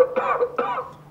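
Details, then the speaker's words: Simulated cough from a patient simulator manikin: two short voiced coughs, slightly tinny, played through the speaker in its mouth. "coughing having difficulty breathing if he were to vomit moan in pain"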